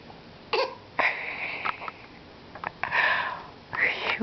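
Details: 8-month-old girl deliberately makes a few short, breathy pretend coughs and vocal bursts whenever she hears the word "phony", imitating others' coughs; this is playful, not illness: voluntary fake cough.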